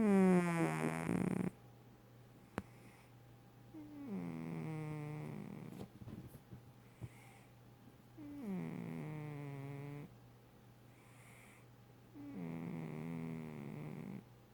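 Slow, regular breaths with a soft whistling, whining tone on each one, about four breaths in fourteen seconds; a cat snoring.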